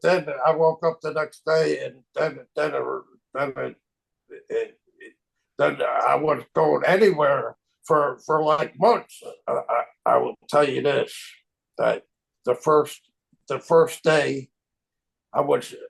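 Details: Aphasia resulting from stroke in a man, a stroke survivor of 25 years, living with chronic post-stroke aphasia.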